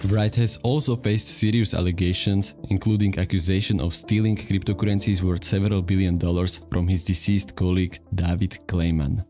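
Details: Adult male narrator; normal speech.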